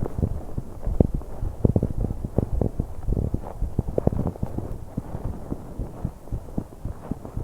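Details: 21-year-old woman on an exercise bike: quick, regular heartbeats with loud breathing and rubbing noise over them; recording noisy to capture breath sounds.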